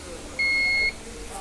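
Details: A single clear half-second beep over quiet room noise as treatment starts on a Maxima non-invasive BiPAP ventilator in a device demonstration.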